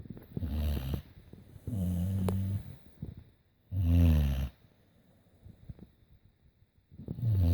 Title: Snoring pitbull (VERY LOUD)